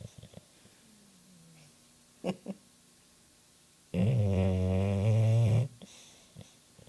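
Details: Sleeping dog snoring: one long, loud, low rattling snore with a few soft sniffs and quiet breathing around it.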